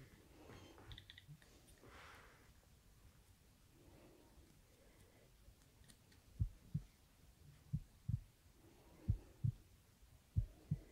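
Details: Adult at an annual checkup in a role-switched ASMR exam, stethoscope at the chest: faint, regular lub-dub pairs at about 85 beats a minute after rustling, no murmurs, strong heart; normal heart sounds.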